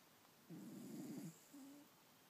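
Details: A single rough, rattling snore on the in-breath, followed by a softer tonal out-breath, in a quiet room.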